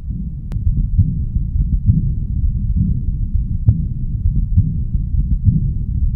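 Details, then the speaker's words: Aortic regurgitation patient, right upper sternal border (aortic area): systolic outflow murmur from high flow across the aortic valve, softer than and hard to separate from the diastolic murmur; low heart sounds near 67/min with soft whooshing between beats. "that should be occurring during systole it can be sometimes hard to appreciate with the diastole diastolic murmur occurring and generally speaking it should not be as loud as a diastolic murmur"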